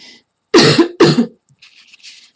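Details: Two short, forceful coughs in quick succession from an adult woman whose voice is slightly hoarse, followed by faint rustling; a plain cough.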